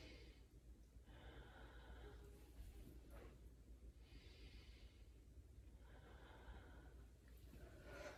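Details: Student nurse auscultating a healthy patient's back with a stethoscope, patient breathing in through the nose and out through the mouth; soft, even bilateral breaths with no crackles or wheezes: normal breath sounds.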